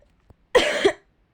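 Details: A single short harsh cough in a quiet room from a female speaker who says she is ill, apologizing for coughing during a voiced role-play recording.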